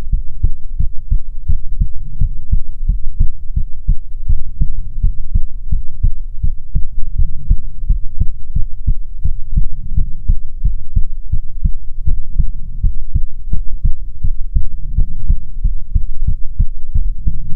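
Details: ASMR heartbeat recording: steady, loud lub-dub heartbeat at a moderate rate with a low background hum; normal heartbeat.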